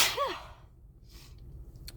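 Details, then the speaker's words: A single loud, explosive sneeze, then quiet breathing and faint room noise, from a person on day 10 of congestion and sneezing that is not going away; sneeze. "I'm working with day 10 of being congested and sneezing I was trying to let my body like do its thing work it's magic it's not going away"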